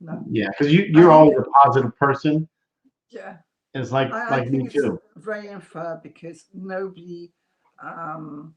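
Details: Adult woman, real case, mild residual aphasia with slight remaining speech impediment after multiple strokes in 2012–2013 (two hemorrhagic, three ischemic); initially lost ability to speak, then relearned it.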